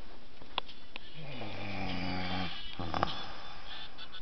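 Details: Person snoring: a low rumbling snore during one breath, with steady background hiss.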